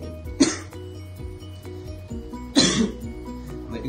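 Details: Two short, harsh adult coughs a couple of seconds apart over steady background music; acute cough from a vlogger still a little sick after about five days of illness, now recovering.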